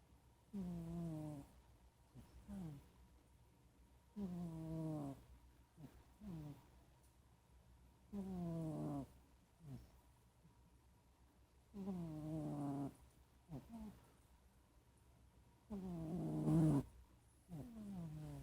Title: Bubbles snoring.